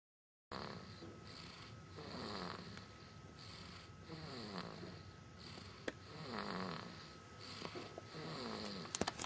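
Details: Steady, rhythmic rattling snores with each breath, about one every second, over faint room hum; snoring.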